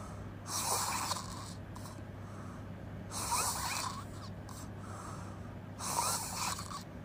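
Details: Loud, harsh open-mouth snoring with puffing, fluttering exhale, about one breath every two and a half seconds, over steady room hum.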